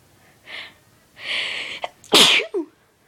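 Two building breathy inhalations followed by a sudden loud burst and a brief trailing breath: one induced sneeze.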